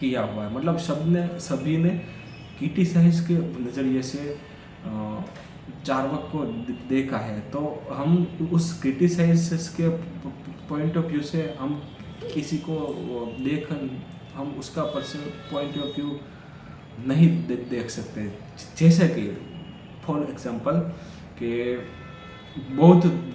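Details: Adult man who stammers, on Day 4 of his daily stammering practice routine, counting backwards from 100 as fast as he can in Hindi: stuttering.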